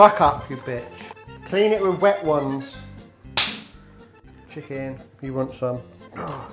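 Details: Man with Tourette syndrome producing involuntary vocal tics including swearing while cooking; vocal tics with coprolalia (Tourette syndrome).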